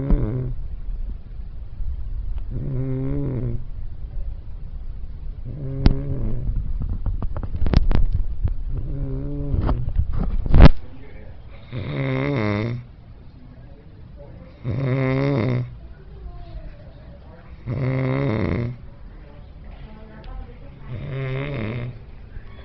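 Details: Person snoring: regular, rumbling snores with each breath in, about 20 breaths a minute, with some brief clicks in between.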